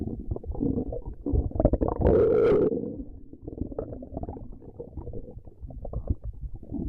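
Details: Low rumbling and gurgling bowel sounds with a louder gurgle in the middle; stomach growling, borborygmi.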